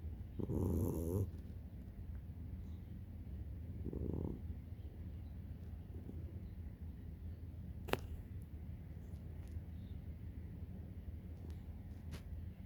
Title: My cat snoring